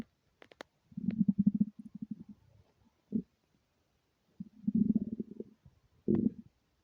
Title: stomach growling with hunger